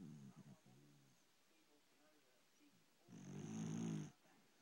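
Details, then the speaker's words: A female pet dog snoring while asleep: a soft grunting breath, then a longer, louder rumbling snore near the end. "Bella, you're snoring. Bella, you're snoring."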